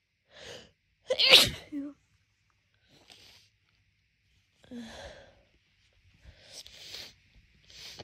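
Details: Adult with allergic rhinitis during allergy season, on waking in the morning before taking medication, nose blocked for the past month: one loud explosive sneeze with a sharp intake before it, then quieter congested sniffs and breaths.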